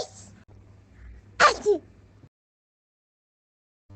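One sharp sneeze burst with a short voiced tail in a cartoon scene, over faint background hum.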